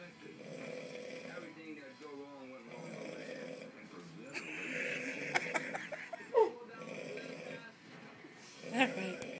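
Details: Loud, irregular snoring from a sleeping adult man (uncle) with rattling, fluttery inhalations and some snorts, about 25 a minute.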